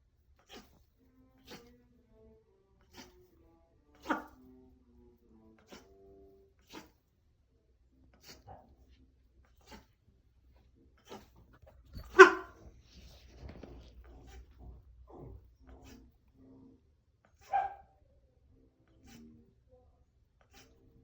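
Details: Cayuga duck, owner suspects gapeworm, recorded before fenbendazole treatment: repeated short, sharp gasping clicks about once a second with a few soft quacks between.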